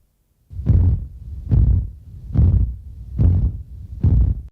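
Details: Simulation of slight, low-rumbling tinnitus: low, soft rhythmic whooshing thumps, about 70 a minute, like a muffled pulse.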